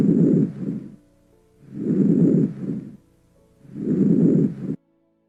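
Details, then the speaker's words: Soft, low rustling breaths at about 30 a minute, louder on inspiration: normal vesicular breath sounds. "ruidos respiratorios normales el primer ruido del murmullo vesícula como su nombre se escucha con uno murió y se va a poder escuchar mejor en la inspiración"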